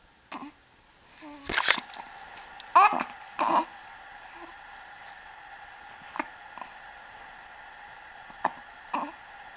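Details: Infant with several short, abrupt hiccups and soft vocal noises in a quiet room; ordinary hiccups.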